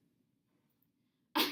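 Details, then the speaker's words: Redirected phonation voice therapy exercise in which a vowel is attached to the end of a cough, modelled by the clinician and then repeated by the client: cough with attached vowel. "now we're going to try a little bit different of a technique involving that cough we're going to attach a vowel to the end of our cough I will model it first and I'll have you do it after me okay all right"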